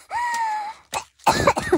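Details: Woman with a severe cold coughing: a drawn-out voiced throat sound followed by a few short harsh cough bursts; cough with a cold.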